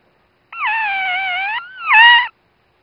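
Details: Newborn female dachshund puppy, the mother's first pup, just after birth; two high, thin, wavering squeals, her very first cries; normal newborn puppy cries.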